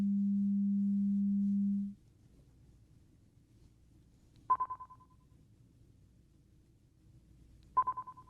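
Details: Simulated ASMR ear-exam roleplay, hearing test through headphones, patient says which ear hears it: a steady low tone, then short higher beeps against faint room hiss.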